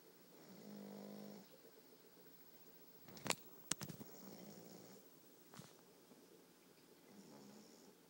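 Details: Light snoring from a sleeping puppy in a quiet room: soft, buzzing snores on the in-breath with a few sharp clicks between breaths.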